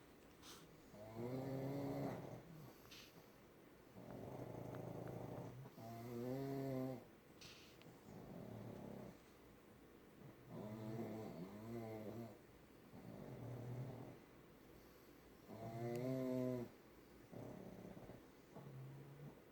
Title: Puggies snore in stereo.